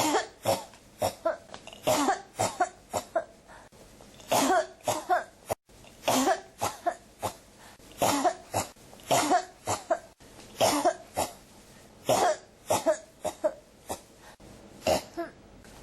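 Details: Coughing that won't stop (ASMR-tagged recording, clip from a 1–28 series): repeated dry coughs in clusters of two or three, nearly continuous for about sixteen seconds; persistent cough.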